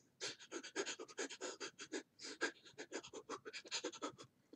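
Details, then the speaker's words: Adult imitating rapid, forceful panting breaths to demonstrate labored breathing, an inadequate breathing pattern in adults. "so we talk about good breath sounds what about bad or inadequate breath patterns in adults labored breathing that's not a good"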